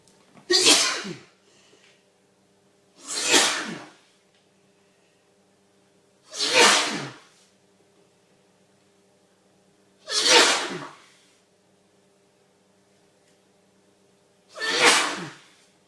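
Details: Adult male in a long, violent sneezing fit with watering eyes and streaming nose: five forceful, explosive sneezes in about 16 seconds separated by short pauses.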